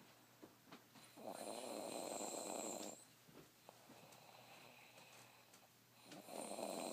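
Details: snoring: two long, rough, rattling snores with quiet breathing between them, a third snore beginning at the end.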